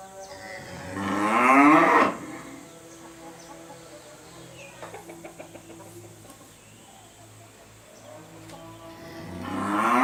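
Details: Sick cow, already given an injection: two drawn-out, strained, unusual moos ("emma, mao") separated by a quiet stretch with faint background noise; the cow also coughs at times.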